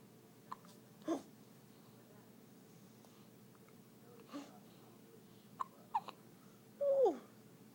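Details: Several brief, abrupt catches in breathing with small squeaks and a short whimper from a newborn girl; newborn hiccups.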